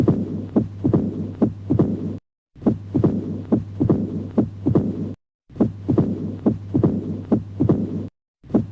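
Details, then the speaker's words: Heart sounds at about 70/min through a stethoscope, with a low rumbling murmur between beats; described as mitral valve stenosis, mild disease. "This sound is produced in Mitral Valve Stenosis when the disease is Mild"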